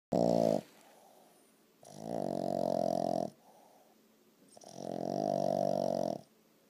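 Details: A sleeping dog gives three loud, drawn-out, growly snores, each lasting one to two seconds, with quiet breaths between; this snoring happens every night.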